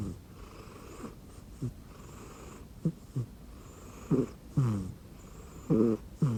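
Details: Short, soft, squeaky snorts and whistling breaths at irregular intervals: light snoring in a sleeping rescue cat resting on an arm pillow under a futon.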